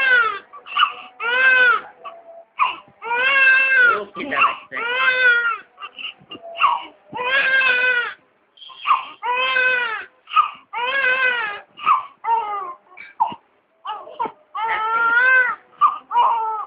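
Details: Newborn baby about 10 minutes old giving its first cries after birth: repeated loud, high-pitched cries in strong bursts separated by short breaths.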